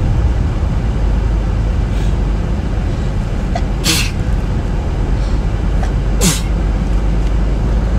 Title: Allergy sneezes